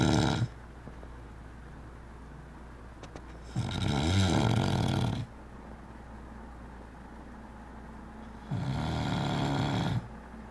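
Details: Person sleeping and snoring: deep, rattling breath sounds separated by quiet pauses of several seconds.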